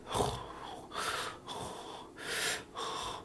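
Noisy breath sounds with fine popping through each breath, consistent with crackles (rales).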